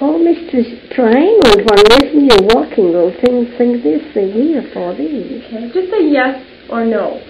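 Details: Male patient with Wernicke's aphasia, typically stroke-caused, affecting the left hemisphere; fluent but meaningless speech answering a yes/no question. Wernicke's aphasia.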